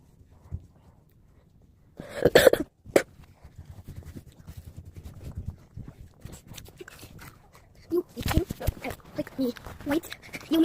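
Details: Two short bouts of harsh, explosive coughing separated by quieter breathing and faint room sounds; ordinary cough.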